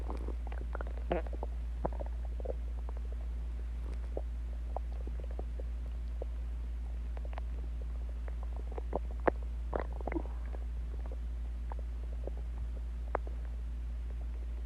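Faint scattered gurgles and pops over a steady low hum: ordinary stomach growling as gas and fluid shift in the gut.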